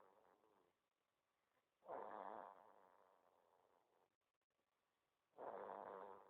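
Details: Snoring: two soft rasping snores a few seconds apart, with quiet breathing between them.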